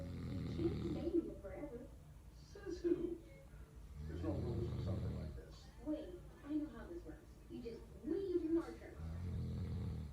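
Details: Adult man (dad) asleep, snoring loudly.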